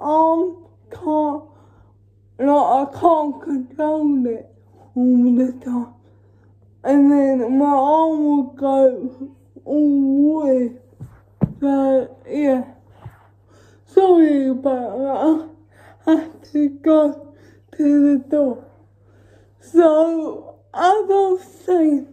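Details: Female with cerebral palsy talking while feeding herself with a Neater Eater feeding aid; dysarthric speech in cerebral palsy, no speech disorder formally named.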